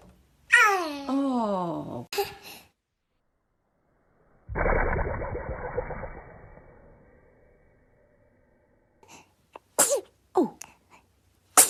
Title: TOP 5 BEST FUNNY Cute Babies Sneezing Moments - Funny Baby Video